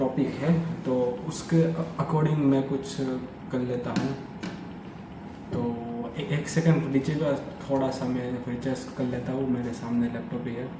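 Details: Adult Hindi-speaking man who stammers, doing storytelling practice on day 30 of daily fluency practice (breathing, tongue twisters, storytelling); stuttering.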